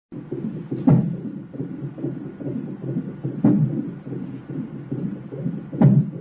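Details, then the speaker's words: A female's heartbeat heard as steady whooshing pulses, broken by three sharp jolts; the speaker thinks she has hiccups. "So I think she has hiccups. That's her heartbeat."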